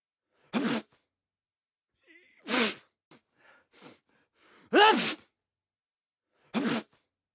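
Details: Sneeze sound effect: four sharp, explosive sneezes with strong voiced onsets, separated by brief quiet breaths and small sniffing sounds.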